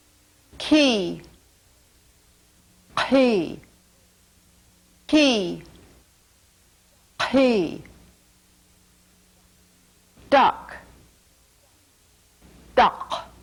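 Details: Words in cleft palate speech where k and g are replaced by unvoiced and voiced pharyngeal stops, before and after vowels; pharyngeal stop substitution for k and g.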